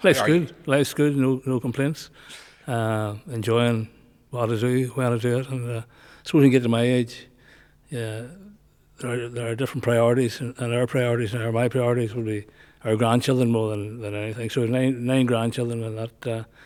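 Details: Man nearly 65 with Parkinson's disease, voice problem noticed before diagnosis, also word-finding difficulty; hypokinetic dysarthria (Parkinson's disease speech).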